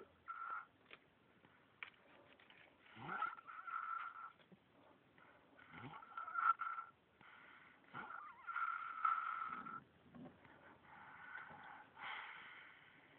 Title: Snoring Kracken